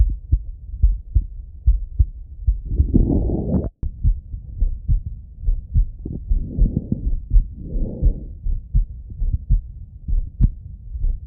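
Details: Adult male heart auscultated by stethoscope: steady, regular low thumps at about 80 beats a minute with some breath noise; normal heart sounds.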